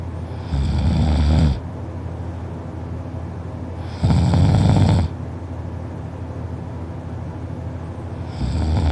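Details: Loud, low rattling snores on each in-breath, about 16 a minute, with quiet pauses between, from a sleeping person lying on the side and rolling onto the back at times; heavy snoring.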